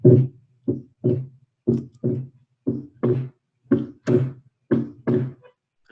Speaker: Em alguns momentos, até fisiológicos, principalmente no momento da inspiração, a gente pode ter